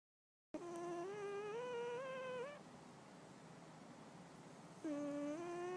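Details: Chinchilla Silver cat snoring with a whistling, tuneful snore that steps upward in pitch like a rising do-re-mi scale on each breath, with quiet pauses between breaths.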